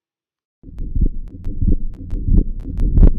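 Low heart sounds at about 90 beats a minute, the second sound heard as a wide, fixed split: atrial septal defect pattern.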